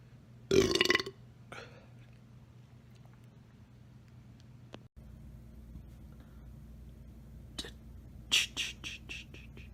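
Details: A loud belch, then a fainter one, and later a short run of rapid burps, from a belch montage; ordinary belching.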